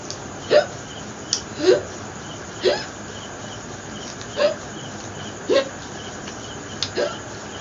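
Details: Repeated hiccups: short, abrupt voiced gulps at irregular intervals, roughly fifty a minute, over quiet room noise, during a long-duration hiccup challenge in a Bengali vlog.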